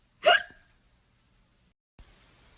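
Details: Single sharp, voiced hiccup, then quiet, performed during a read-aloud children's story about a hippo with hiccups; simulated hiccup.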